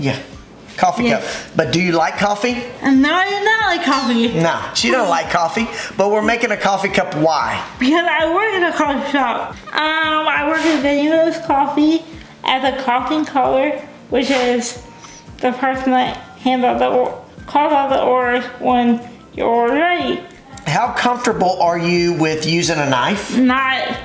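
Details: Dysarthria in a young adult woman with cerebral palsy, a brain injury before birth; she uses a wheelchair, has limited fine motor skills and says she is sometimes hard to understand.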